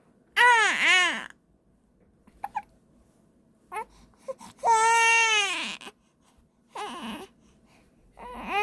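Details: Baby girl with hiccups, wearing a hat to warm her head to stop them, crying in loud, strained bursts with short pauses and catching sounds; hiccups stopped with crying.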